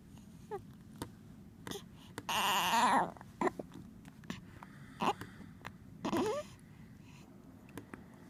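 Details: Newborn baby at 1 day old with hiccups: soft, brief catches recurring about every second between whimpers and one short cry.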